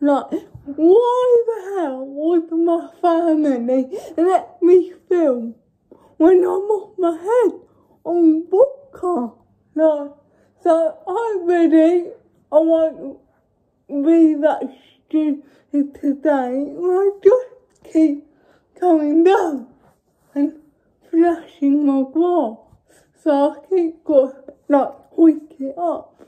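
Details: Young woman with cerebral palsy: dysarthria in cerebral palsy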